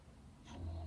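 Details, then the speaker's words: A pet dog snoring while asleep in the background as a person talks indoors, with another dog sleeping nearby; dog snoring. "If you can hear snoring, it's Lucy. Clearly my chat's, can you see? We've got Patty sleeping there and Lucy snoring there."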